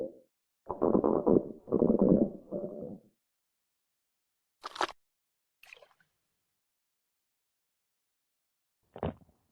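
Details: Low gurgling rumbles in several bursts, then a few brief squelches in a quiet room; ordinary stomach growling from gas and fluid moving through the gut.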